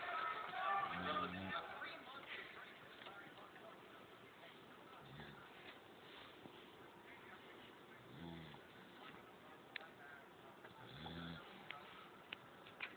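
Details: Very loud snoring: short, low grunting snores about every three seconds against a steady background hiss, with louder room noise at the start.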